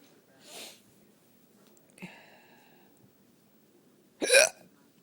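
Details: Adult hiccupping at home after a night out dancing and drinking: sudden short sharp catches of breath with a little voiced squeak, a few seconds apart, in a quiet room; hiccups.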